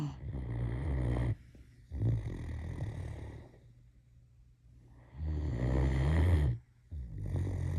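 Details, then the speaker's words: Deep, rumbling snores from a sleeping female Great Dane, in long rattling bursts separated by quiet pauses; ordinary dog snoring. "We've got snoring going on."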